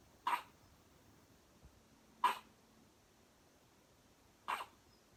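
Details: Newborn weighing 5 lb 1 oz having first hiccups while sleeping: three brief, sharp hiccups about two seconds apart in a quiet room.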